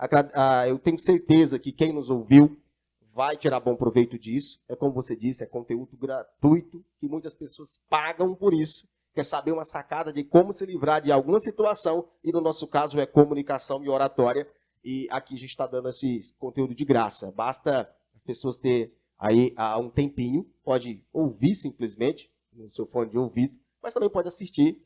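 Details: Adult male speaker; typical speech.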